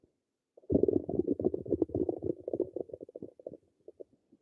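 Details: Person's own stomach: irregular bubbling gurgles and low rumbles tapering to a few isolated pops; ordinary bowel sounds (borborygmi).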